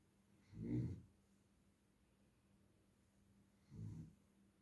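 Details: Two low, rumbling snores about three seconds apart from a sleeping animal, with quiet pauses between breaths; snoring.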